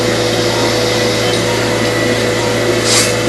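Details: Steady loud hissing roar with a low hum from arthroscopic suction removing torn medial meniscus fragments during right knee arthroscopy with constant irrigation; cartilage damage present; arthroscopic suction.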